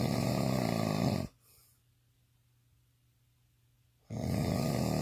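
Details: Person described as drunk snoring intensely: loud, harsh snoring breaths separated by a few seconds of silence; snoring.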